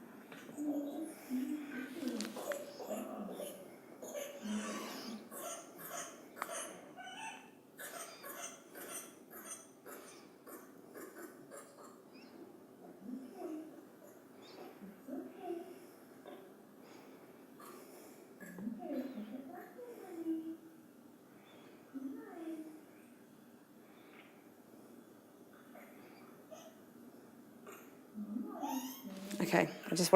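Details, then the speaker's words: Six-week-old infant on a hospital ward, too young for the 8-week pertussis immunization, with rapid runs of short coughs followed by a high-pitched inspiratory whoop, a classic whooping cough (pertussis) paroxysm. "you heard that that child coughing coughing coughing cough and then you heard up which is kind of classic whooping cough"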